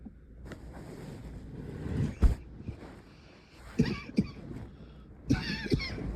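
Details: Nocturnal coughing fits in the middle of the night from someone coughing all night long: several short, muffled cough bursts, some in pairs, over a low, steady room hum.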